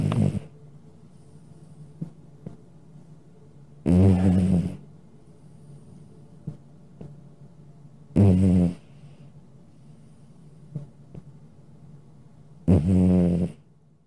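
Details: A sleeping male cat snores with low, rattling snores, one on each breath in, about 14 a minute.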